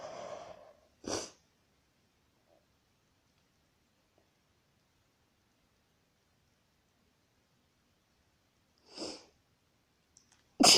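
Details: Woman's induced but real sneezes: a few short, sharp bursts of air with quiet gaps between them.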